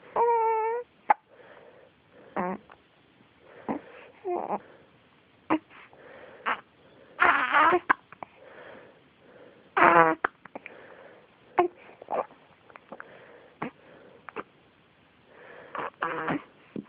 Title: Hiccups while pooping